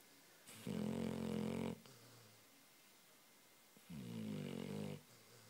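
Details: Zoey, a sleeping Labrador cross Shar Pei dog: two long, loud rumbling snores on breathing in, separated by quiet breathing out; heavy snoring.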